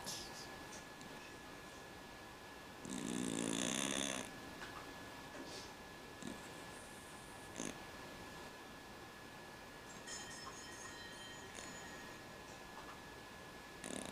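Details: Cat with noisy breathing from a condition as a newborn, now fine, snoring very loudly: one loud rattling snore against a steady background hum, faint breath noises otherwise; snoring.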